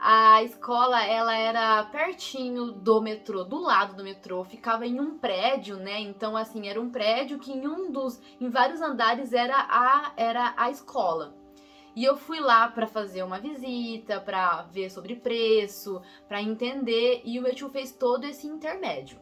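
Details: Young adult woman who says she is a person who stutters, speaking Brazilian Portuguese, with a phrase repetition; real stuttering.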